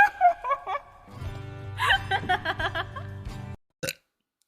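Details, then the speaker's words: Several loud voiced burps from a woman during a livestream, one long and drawn out, over background music. She says she burps a lot, is currently eating, and calls one burp a very wet one. "excuse me that was a very wet one"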